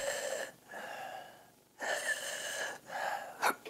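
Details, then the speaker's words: Adult imitating stridor: repeated high-pitched squeaky noises on breathing in, the inspiratory sound of croup, contrasted with asthma's prolonged squeaky expiratory wheeze; imitated stridor. "the very simple distinction between asthma and crew is that croup is an inhale noise it's called Strider in it"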